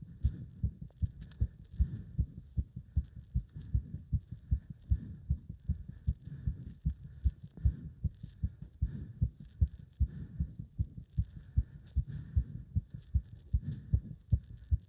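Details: Fast, regular, strong thumping heartbeat at roughly 150 a minute during leg-wrench exercise, with throbbing felt up to the subclavian artery; rapid heartbeat during exercise.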